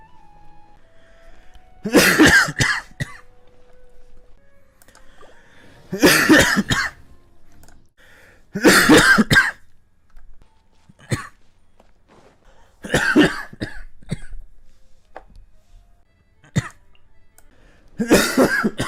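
About six separate coughing bouts, each a short cluster of harsh coughs, with quiet gaps and faint background music.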